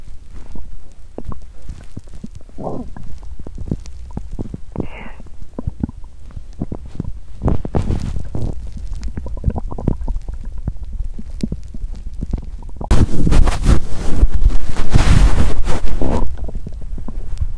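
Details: Woman's loud stomach growling after exercising on an empty stomach, feeling nauseous with cramping gut: continuous gurgling and rumbling with bubbling bursts that swell toward the end.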